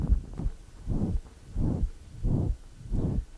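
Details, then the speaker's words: Ventricular septal defect from post-infarction septal rupture in a woman in pulmonary edema with crackles: a high-frequency holosystolic murmur, loudest just short of the apex, that fades moving leftward. "we hear the murmur holosystolic high frequency we're not quite to the apex and it's reached its maximum intensity and as we move more leftward the murmur goes away"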